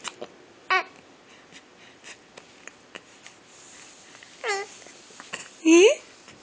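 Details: Baby talking through hiccups: soft clicks and several brief voiced hiccup bursts between babbling sounds; ordinary infant hiccups.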